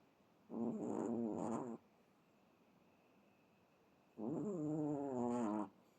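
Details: Chihuahua dog in deep sleep snoring repeatedly: two long, whiny, vibrating snores about four seconds apart, with quiet pauses between breaths.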